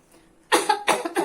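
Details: Three quick forceful coughs from an adult woman in an acted nursing-demonstration choking scenario; partial airway obstruction by food, drink or foreign body, strong coughing showing the airway is only partly blocked.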